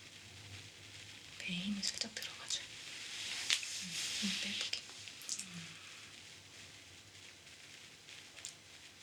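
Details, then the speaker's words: Bowel sounds (borborygmi) during an abdominal massage: a few soft, short, low gurgles rising through hand-on-skin rustling, ordinary sounds of gas and fluid moving. ""Bạn có nghe thấy không? Tiếng sôi bụng nhỏ đó—sôi, sôi.""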